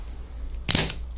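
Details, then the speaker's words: Single sharp snapping click of a hand-held chiropractic activator delivering a light-force adjustment to the rib cage, during treatment of shoulder joints and chest/thoracic tension. "So with the rib cage here, I'm gonna get an activator. This is just an instrument."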